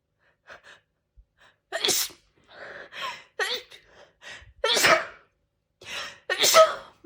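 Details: Person sneezing after trying sneezing powder and feeling stuffy: quick catching gasps build into a run of three or four forceful sneezes in a quiet room.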